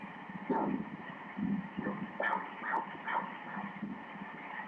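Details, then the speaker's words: Doppler on first ultrasound, fetus moving: rapid regular whooshing fetal heartbeat at 145 beats per minute; normal fetal heartbeat. "em bé đang di chuyển nhịp tim là 145 nhịp mỗi phút 145 nhịp mỗi phút"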